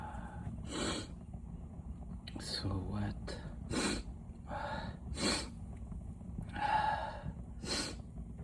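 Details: Male sick with a cold for almost three weeks, deliberately tickling out itchy sneezes: several short, sharp nasal bursts with breathy intakes, like stifled sneezes or snorts, over crackling fireplace noise.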